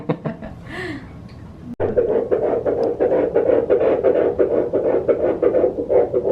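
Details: First-trimester fetal heartbeat on ultrasound at the first prenatal appointment for a third pregnancy, with the yolk sac visible: rapid, regular whooshing pulses at about 170–175 beats a minute; a normal early fetal heartbeat.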